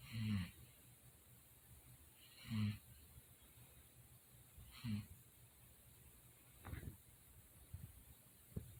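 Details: Low, rumbling snores repeating roughly every two seconds with quiet pauses between, from a person recorded at night after denying they snore; snoring.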